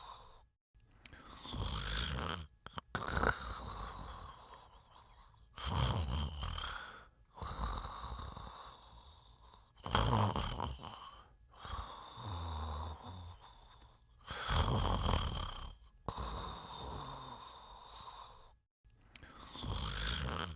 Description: Sounds of a person snoring while sleeping.